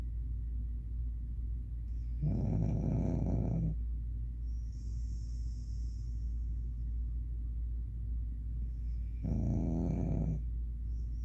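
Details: Dog asleep, ordinary snoring: two low, rumbling snores about seven seconds apart over a steady background hum.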